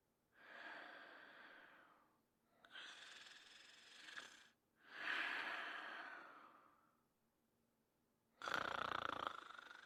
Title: Man Snoring Sound Effect 1108